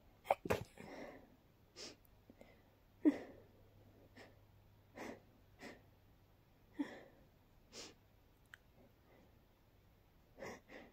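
A run of about ten short sharp sneezes in quick succession over ten seconds, with quieter gaps between them; a sneezing fit.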